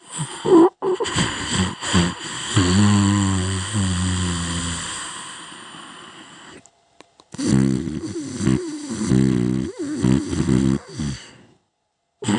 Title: Rising Snoring